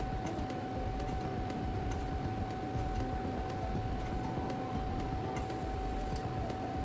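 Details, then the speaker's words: Patient monitor's automatic non-invasive blood pressure cuff inflating on the presenter's own arm during a demonstrated tilt test, readings every two minutes, after an earlier higher reading: steady motor hum and faint ticking. "Agora o monitor vai fazer a nova leitura de pressão."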